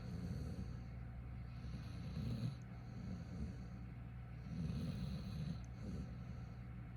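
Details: A dog snoring in its sleep: soft, low, rumbling snores in steady waves over background hiss, sounding much like a person's snore.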